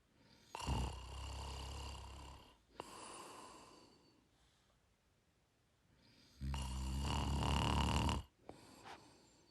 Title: Gentle Snoring Sound Effect